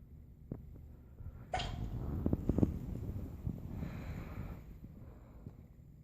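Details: Baby boy having hiccups: a single small, sharp sneeze with faint rustling and breathing around it.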